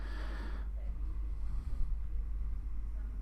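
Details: Endoscopic ear microsuction of dry, brittle ear wax: brief suction hiss cutting to a muffled low rumble as the suction tip grips and blocks on wax breaking into chunks.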